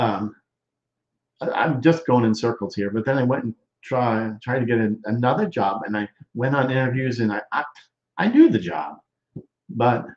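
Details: Male stroke survivor more than 13 years post-stroke with Broca's expressive, non-fluent aphasia, involving word-finding difficulty, trouble with function words and word substitutions, speaking English; expressive (Broca's) aphasia.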